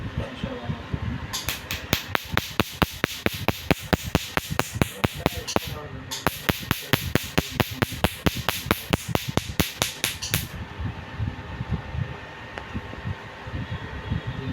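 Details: Rapid sharp snapping clicks, about one a second in bursts, over room noise: laser machine pulses removing many small moles/freckles across a man's cheeks, nose and forehead after numbing cream.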